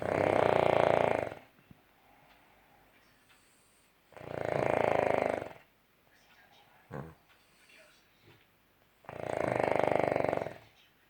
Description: My dog honey Snoring